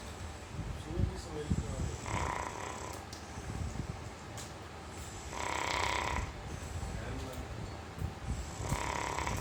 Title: My dog (Kanny) is snoring like men - funny video